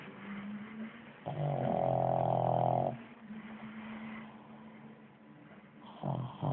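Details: Sleeping pug snoring: a loud, buzzing, rattly snore on a breath in, then a softer whistling breath out, and another snore begins.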